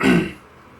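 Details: Adult still recovering from COVID, who tested negative the night before, has a lingering cough; a single brief throat clear lasting a fraction of a second.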